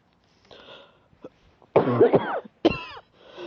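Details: Adult's ongoing cough, still present but reportedly getting better: two harsh coughs with a hoarse, throaty quality after quiet breathing.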